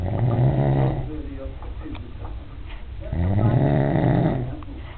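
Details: Adult man filmed asleep after he denied snoring; two loud, low, rattling in-breath snores with a quieter pause between; ordinary snoring.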